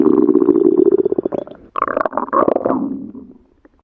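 Loud, long gurgling growl with a rapid bubbling, rattling quality that rises in pitch and fades; normal stomach growling.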